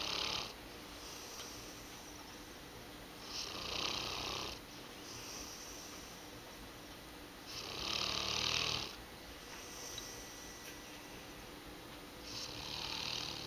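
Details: Sleeping Mastiff napping, snoring with hissing, rasping snores about every four seconds (about 15 breaths a minute); ordinary sleep snoring, not as loud as she can be.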